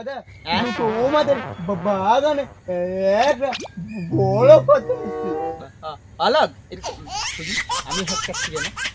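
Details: Acted portrayal of stuttered speech by a blogger character in a Bengali comedy sketch. Finding: stuttering (acted).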